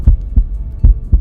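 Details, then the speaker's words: Two clean lub-dub beats with quiet gaps, no murmur, given as the example of a normally functioning mitral valve in a pet (veterinary) explanation of heart murmurs: normal heart sounds. "When the mitral valve in the heart is functioning as it should, then we will hear the normal heart sounds. Often people describe it as a lub-dub."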